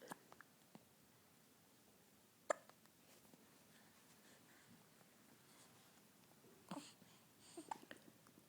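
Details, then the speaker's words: Infant hiccups: a few soft, sudden hiccup clicks above a quiet room, with small baby noises between them. "I have the hiccups. I hate having the hiccups, but I'm pretty mellow"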